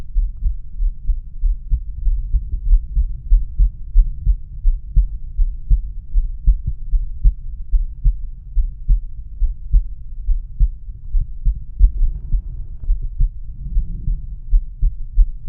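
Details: Male heart auscultated with a stethoscope diaphragm, moving through aortic, pulmonic, Erb's point, tricuspid and mitral/apex areas: normal heart sounds.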